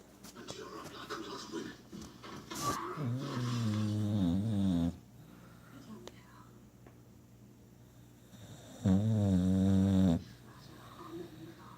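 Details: Female boxer dog sleeping with her tongue out, snoring a lot: two deep, buzzing snores on breaths in, several seconds apart, with quiet breathing and faint room noise between; snoring.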